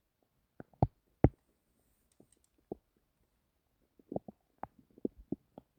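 Irregular low gurgles and pops from the belly in a quiet room, ordinary bowel sounds (borborygmi).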